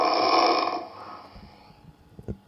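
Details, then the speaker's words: Snoring sample played in a cardiology talk on obstructive sleep apnea in atrial fibrillation patients. It is left open whether the snoring is merely annoying or signals obstructive sleep apnea. Snoring. "now as you listen to this you have no idea is that snoring just something that is annoying to you"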